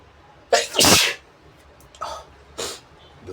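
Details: Deliberately induced sneeze, provoked by tickling the nose with a brush: one forceful sneeze with a sharp intake before it, then two shorter sneeze-like bursts.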